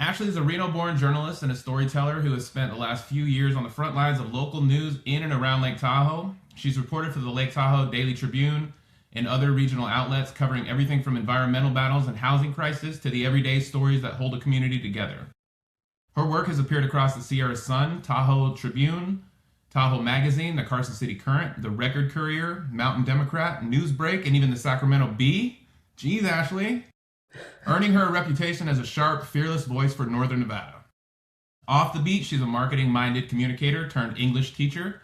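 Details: Adult man; typical speech.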